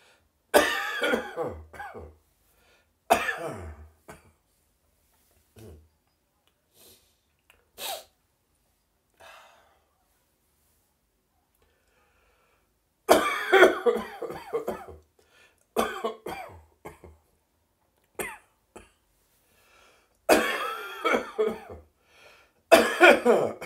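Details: Adult's morning cough in an echoey bathroom: repeated harsh, dry coughing bouts with quiet pauses between them, becoming slightly more phlegmy towards the end.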